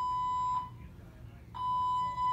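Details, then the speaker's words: Steady, high, piercing electronic beeps repeating with short gaps from a hospital bedside device connected to the patient's arm after foot surgery, sounding about half an hour at 9 pm with no nurse answering; a medical device alarm. "This damn thing has been beeping for a friggin' half an hour. I hit the nurse button. There's no nurse. It's constantly beeping."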